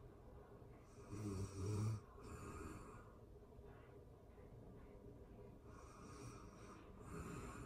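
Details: Real-time recording of a person asleep, excerpted from a longer session: soft, rough, rattling snores with quiet pauses, about two breath cycles; ordinary snoring during sleep.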